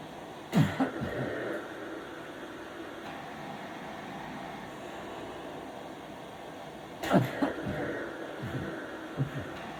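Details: Mechanical insufflation-exsufflation: a cough-assist machine is switched from swallowing-aspiration mode to airway-clearance treatment mode during respiratory physiotherapy for an ALS patient. Two forceful machine-assisted coughs about six seconds apart over a steady device hum.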